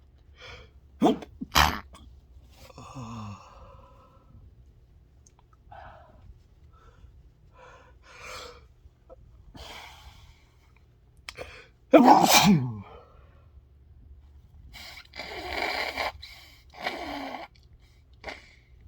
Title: induced sneezes